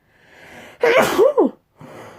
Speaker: oh my yeah I'm having a snooze set there's another thing about me I get this sneeze